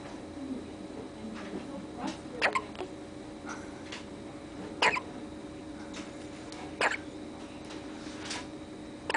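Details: Loud hiccups: brief, sharp little hiccup sounds about every two to two and a half seconds against steady background hiss.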